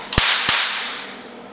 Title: YAG LASER HQ